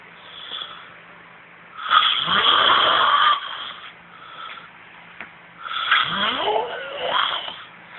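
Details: Adult man snoring: loud rattling snores on two breaths in, separated by quieter breathing out; typical snoring.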